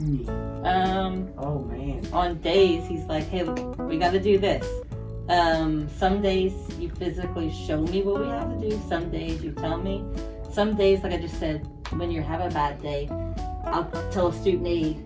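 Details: Adult speaker; normal speech.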